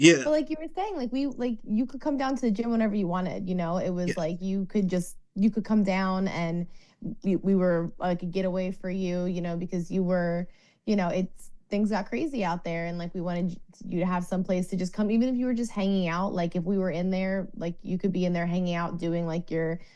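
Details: Adult woman speaking; typical speech.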